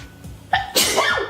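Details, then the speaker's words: A single loud, sharp sneeze with a quick indrawn breath before the burst, from a woman filming herself talking to camera: sneezing. "Like, I just walked out to, oh, I've sneezed. Oh my god, I've sneezed."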